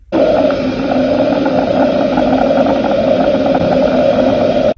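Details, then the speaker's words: Doppler monitoring of a free flap: continuous low-frequency whooshing without beat-to-beat pulsing, the normal sound of good venous flow in a patent vein. "And this is what good venous flow sounds like. Note the continuous low frequency whooshing sound made by the vein."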